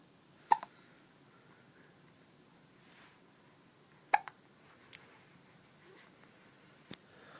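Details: Little boy with short sharp hiccup sounds, a few spaced seconds apart, in a quiet room; hiccups.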